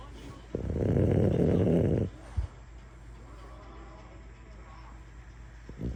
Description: French Bulldog is sleeping and snoring.